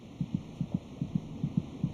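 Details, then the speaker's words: Fetal heartbeat: rapid, regular, quite loud, about 145 a minute (about twice the mother's rate), paired soft thumps over a low hum. "By week 26, it may just be possible to hear the fetal heartbeat by putting your ear against the mother's abdomen. Is it kicking? It's quite loud. The fetus's heart beats about twice as fast as a mother's."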